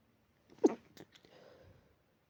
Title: dog allergy pinch sneezes